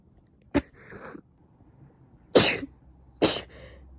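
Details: Three separate short, harsh coughs with a loose edge from an adult who probably caught another cold: stuffy nose, sneezing, severe headache and fever after waking.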